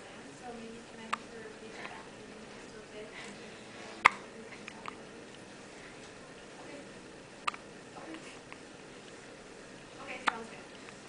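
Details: Four brief, sharp hiccup clicks about every three seconds, roughly 20 a minute, over steady room hiss; hiccups in a newborn girl right after birth, held by her mother for the first time.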